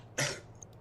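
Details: Cough.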